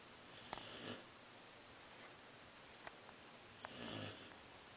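Two soft, rough snoring breaths with faint snorts over steady room hiss; ordinary snoring during sleep.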